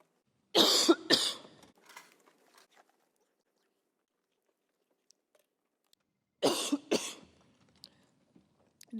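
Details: Adult reading a lengthy bill aloud, losing their voice, has a coughing fit: two pairs of harsh, explosive cough bursts, four coughs in all, split by a quiet pause with faint throat noises.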